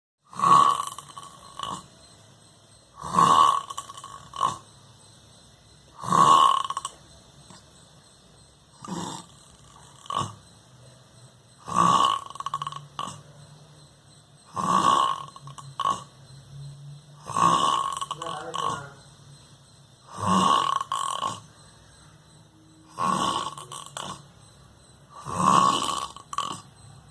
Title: 👉👉Worlds best snoring 👉😮